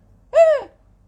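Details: Therapist's deliberate, exaggerated demonstration of breathing in with the vocal folds held close so they vibrate and sound on the inward breath, in a talk on hoarseness; phonated inhalation.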